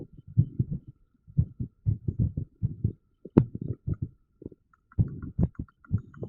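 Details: Irregular heartbeat sound, recorded with TENS (electrical stimulation) use noted.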